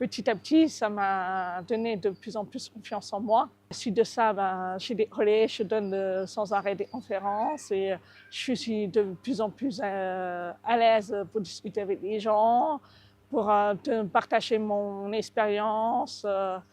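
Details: Adult French-speaking woman deaf from birth with severe deafness caused by cytomegalovirus, using a cochlear implant since age 8, describing her own slight deaf accent; deaf speech from congenital severe hearing loss.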